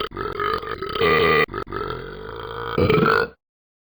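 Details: Talking Ben cartoon character in a game app (simulated) drinking apple juice and burping: long, loud, drawn-out belches with gulping between.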